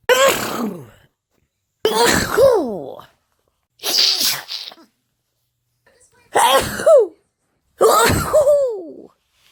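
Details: A woman with hay fever, in a compilation of her sneezes: five loud, separate sneezes, each a sharp burst ending in a voiced falling sound; sneezing.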